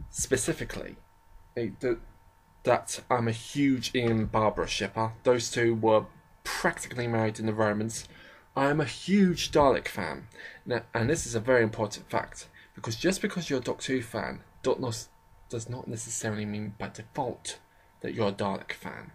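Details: Adult man with a self-described slight stammering problem, shown as occasional stammers and pauses; stuttering.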